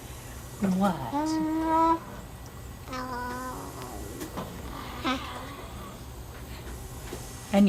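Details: Infant using a Passy-Muir tracheostomy/ventilator speaking valve, vocalizing with the valve on, with secretions in the back of the throat and mild respiratory distress near normal respiratory rate; infant vocalization with speaking valve and airway secretions.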